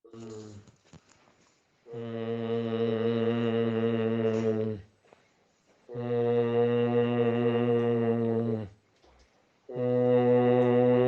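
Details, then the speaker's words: Long, harsh, tonal breathing noises recur about every four seconds from a patient with multiple system atrophy. This is laryngeal stridor, which should be reported to the treating neurologist when present. "son típicos sonidos estridores laríngeos bucales que hacen los pacientes no todos por supuesto pero cuando está presente hay que comentarle al neurólogo tratante para que lo sepa"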